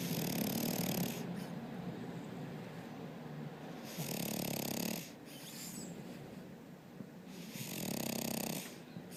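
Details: Sleeping French Bulldog: loud rattling snores, about three breaths in nine seconds, with quieter breathing noise between; snoring.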